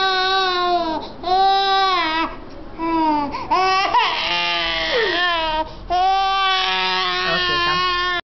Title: cry baby